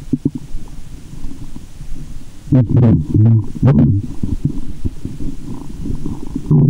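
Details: Loud, deep rumbling and gurgling with sloshing over low background noise, heard through a stethoscope at a woman's belly button after candy and fizzy soda: active bowel sounds (borborygmi) in a staged ASMR recording.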